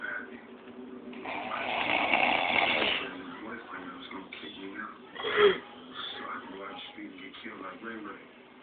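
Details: Younger brother snoring loudly: one loud, rough, rattling snore, followed by quieter breathing sounds with faint talk in the background.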